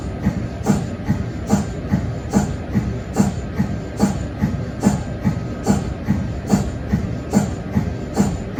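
Steady rhythmic pumping thumps with a chirp, about 72 a minute, the normal cold head cycling of an MRI scanner.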